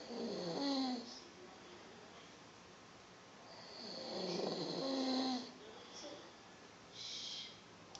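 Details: Snoring from a man: two drawn-out, buzzing snores about four seconds apart, with a softer breath near the end.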